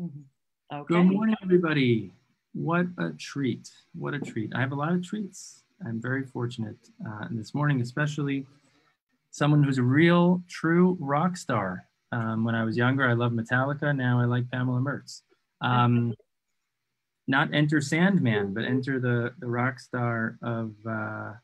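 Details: Adult man speaking; ordinary speech.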